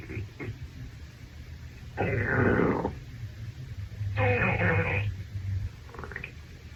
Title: Male stomach growl after Shower